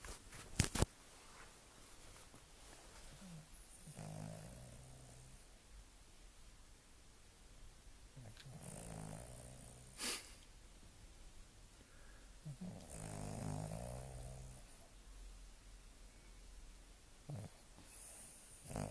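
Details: Soft, low rumbling snores recurring about every four to five seconds over quiet room noise during sleep: snoring.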